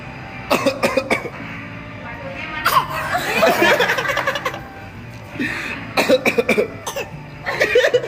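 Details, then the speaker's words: A young child imitates his father's coughing with short bursts of pretend coughs, with music in the background: imitated cough. "dan yang terbaru dari Story Papa bilang tadi malam kasih lihat tuh si abang yang lagi niruin Papa bilang batuk-batuk bener-bener Nias hati banget sama Papanya"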